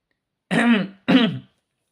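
Two short voiced throat-clearing bursts from an adult, an ordinary incidental sound.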